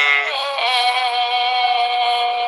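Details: Adductor spasmodic dysphonia patient phonating during type 2 thyroplasty with the framework spreader set to a 2 mm test width; mildly strained voice, so a 3 mm width is tried next.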